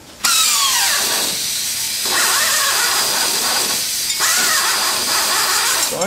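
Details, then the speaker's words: Primary total hip arthroplasty in a woman: power reaming femoral canal at size 13 with distal resistance, high-pitched drill in bursts, pitch sagging as it bogs down and stalls, showing reamer tightening. "And you need it begin to cut bone. And it's starting to force. I ream on drill because you can hear it stall"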